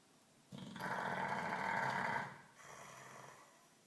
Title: Funny Dog Snoring